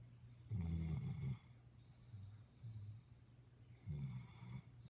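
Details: Low, rumbling snores recurring with each breath, with quieter exhalations in between, from a sleeping dog; snoring.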